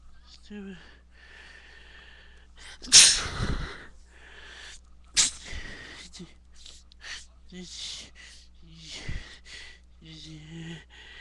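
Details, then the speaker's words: Person sneezing after loose dog hair tickled their nose: two loud, explosive sneezes with sniffing and murmured voice between them. "Don't care, it's making me want to sneeze."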